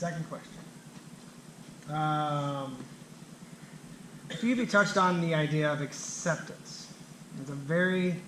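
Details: Adult man who stutters, himself a speech-language clinician specialising in stuttering and fluency disorders; stuttering.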